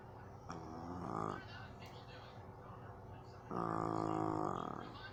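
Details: Jug dog snoring while lying on the owner's lap.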